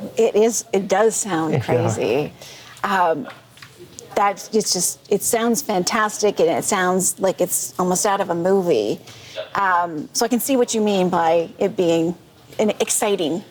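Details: Adult woman; normal speech.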